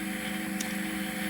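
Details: Endoscopic ear microsuction of a heavily blocked ear with soggy yellowish wax, softened with oil beforehand: steady, loud hissing suction over a low hum.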